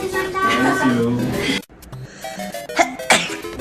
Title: Girls sneezing VS sneezing